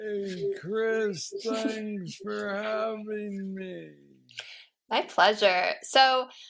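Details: Man diagnosed with aggressive Parkinson's disease at age 35, now 46 (about 11 years since diagnosis), with mobility struggles; treated with a deep brain stimulator (neurostimulator implant) placed two years after diagnosis; Parkinsonian speech (hypokinetic dysarthria).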